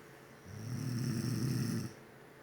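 One low, rumbling snore on a breath in, lasting over a second; snoring.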